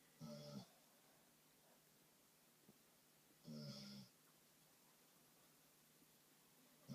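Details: Sleeping dog snoring: two short, buzzing snores about three seconds apart against quiet room noise.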